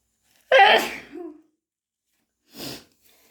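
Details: Person with hay fever and an itchy, sniffly nose: one forceful wet, explosive sneeze followed by a softer sniff or nose blow; sneezing.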